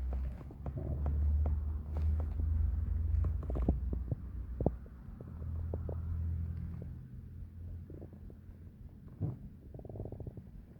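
Low rumbles with scattered pops, clicks and brief gurgles, quieter toward the end. Ordinary digestive bowel sounds.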